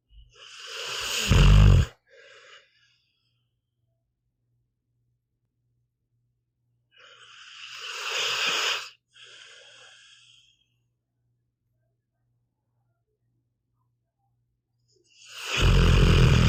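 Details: Sleeping pitbull dog snoring: about three slow, loud snoring breaths with long quiet gaps between them.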